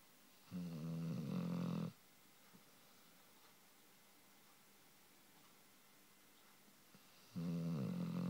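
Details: Dog: two long, loud, rumbling snores on in-breaths, about seven seconds apart, with quiet room sound between, snoring.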